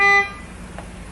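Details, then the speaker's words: Brief high-pitched alarm tone cut off within a fraction of a second, then faint room noise, from a Contec SP750 infusion pump signaling air bubbles in the IV set before being silenced; air-in-line alarm. "อันนี้คือการตัวอย่างการแจ้งเตือนนะนะคะในกรณีที่มีสอ่าฟองในสายIBเซตนะคะเจะแจ้งเตือนเป็นข้อความพร้อมกับสัญลักษณ์แล้วก็ไฟลการแจ้งเตือนค่ะ"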